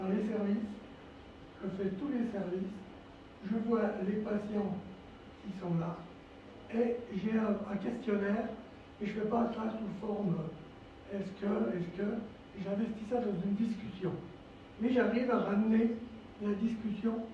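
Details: Dysphonia from vocal cord lesions in a male former nurse, with respiratory problems, since complications after coronary bypass surgery that required 4 months in intensive care.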